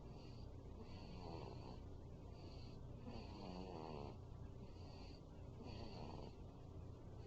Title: Feb 28-09 - Zoey Snoring - 5 weeks